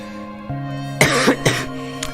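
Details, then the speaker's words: Adult's cough during a livestream. The person, on cold medicine, suspects they have coronavirus and says they sound bad. "I think I have the coronavirus. I sound like shit. I have a cough."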